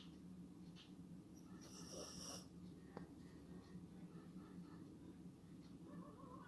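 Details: A steady low rumbling snore from a sleeping dog, with a brief high-pitched noise and faint room sounds; snoring.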